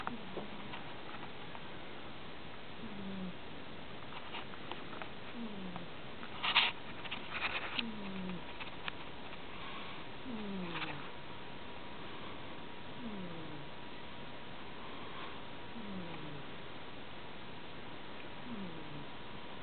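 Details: A cat napping on a Sunday afternoon snores faintly and softly, with a small falling whistle-like tone on each breath.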